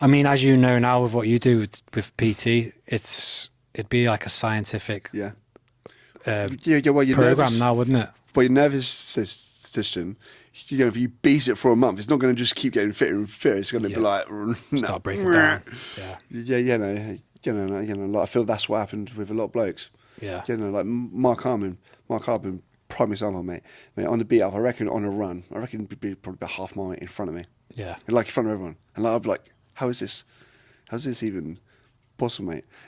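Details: Adult man with a lifelong stutter; a speech therapist linked it to brain-to-mouth-muscle signalling, breathing and speech timing: stuttering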